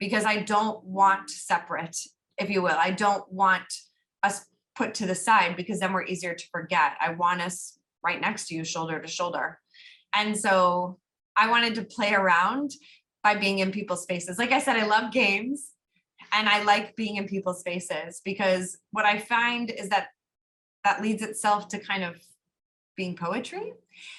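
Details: Adult woman speaking; normal speech.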